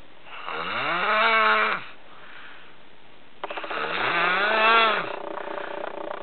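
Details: Snoring, possibly recorded on a Saturday morning: two long, droning snores with a groaning tone that rises and falls, separated by a quiet pause.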